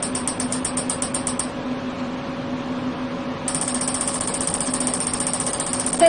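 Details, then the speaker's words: Super inductive system (SIS) electromagnetic physical therapy device in manual mode on the knee, three combinations with frequencies 20 and 10, timer set to 1 minute: rapid buzzing pulses over a steady hum, briefly pausing then resuming. "然后这里我们选三个频率，三个组合，直接默认15分钟的话，我们现在操作的话就调1分钟，按开始启动就行了。"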